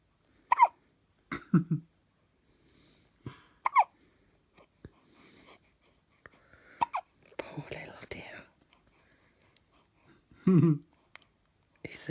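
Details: Hiccuping at 17 days old: repeated short, squeaky catches at irregular intervals, with soft whispered talk nearby; hiccups.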